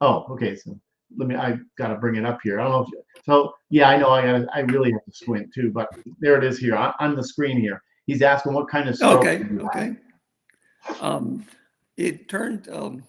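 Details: Aphasia in an adult male stroke survivor, acquired after a severe stroke, with over a decade of rehabilitation since; real patient.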